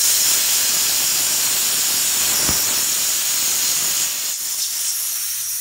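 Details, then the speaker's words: Steady loud hiss of oxygen from a supply valve opened fully, beyond 15, while setting up an Allied EPV200 ventilator before connecting it. "so you need to make sure you turn the oxygen on above 15 open it as much as you can"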